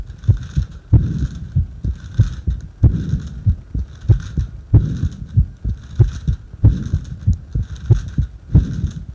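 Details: Heart sounds recorded while breathing into a paper bag: strong, regular low thumping heartbeats at a fast rate of about 130 a minute.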